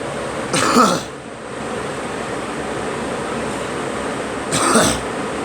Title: Me coughing